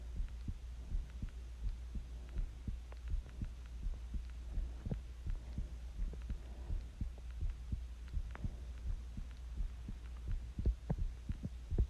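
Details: Own heartbeat recorded while sick with the flu: regular dull thumps at about 80 per minute under a low steady hum.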